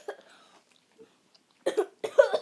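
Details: A child eating sour candy (Sour Patch Kids) gives a short throaty cough, then after a pause two harsh, explosive coughs in quick succession; brief irritant cough.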